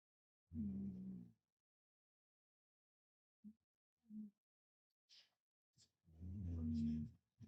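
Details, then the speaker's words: Two loud, low, rumbling breaths separated by a pause with a few short snorts between them: a bulldog snoring heavily off camera behind a bed; a habitually very loud snorer. "I don't know if you can hear, but my dog is snoring just off camera here, just behind my bed."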